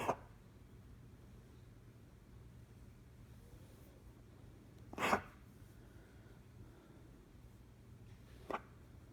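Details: Dog with an intermittent cough: three brief, sharp coughing bursts spaced several seconds apart against a quiet room hum.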